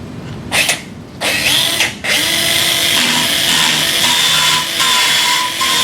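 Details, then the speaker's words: Radial surface reamer driven over a guide pin to the radial depth guide in a wrist arthroplasty demo on a Sawbones bone model: short high-pitched power-tool whines, then sustained drilling. "Take the appropriately sized radial surface reamer and drive it over the guide pin until the nose of the surface reamer bottoms out on the radial depth guide."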